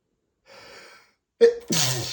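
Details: A soft breath-in followed by a single forceful sneeze after dusting a bookshelf flared allergies; sneezing.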